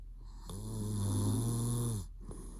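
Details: Sleeping boyfriend in REM sleep with mouth twitching, later waking himself up: one long, low, steady rumbling snore of about 1.5 seconds, then a brief quieter breath.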